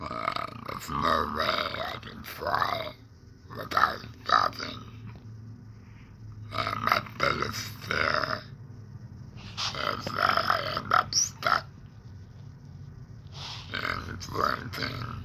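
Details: Adult man after laryngectomy for cancer (tongue cancer per hashtags), breathing through a neck stoma ("neck breather"), reports depression and tongue pain; alaryngeal speech after laryngectomy.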